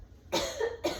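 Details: Adult patient during a student nurse's physical assessment, while axillary artery pulses are being palpated: two quick, dry incidental cough bursts in a quiet room.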